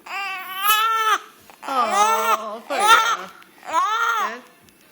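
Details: Infant girl said to have hiccups, possibly hungry: four drawn-out, tuneful crying wails with short pauses in a small room; ordinary infant cry, no hiccups clearly heard.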